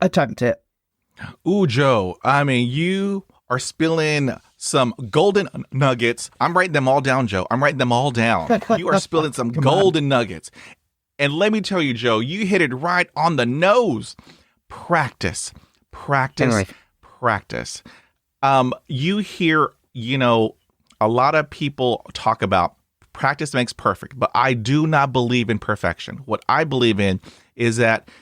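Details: Adult man speaking; normal speech.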